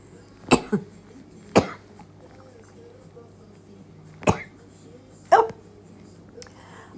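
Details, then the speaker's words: An adult with a cough and sore throat gives four short, harsh cough bursts, the first with a quick second hack, over a low room hum; an ordinary acute cough. "oh jump I've got this cough and a sore throat and I thought I wonder enough to go to the doctors or not"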